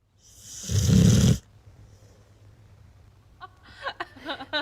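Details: Parker, a sleeping shelter dog, gives one loud, rattling snort-like snore, then a presenter starts talking; snoring.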